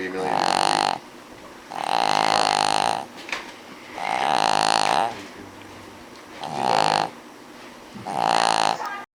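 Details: A sleeping King Charles spaniel snores on almost every breath: loud, buzzy, fluttering snores about five in nine seconds, with quieter breathing between; snoring.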